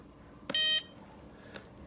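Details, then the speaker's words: Vatech EzRay Air handheld dental x-ray unit firing when the trigger is pulled, radiation label turning from green to red: a single short high-pitched electronic beep marking the exposure. "You're going to see the green radiation label go red as it shoots, and you will hear a beep."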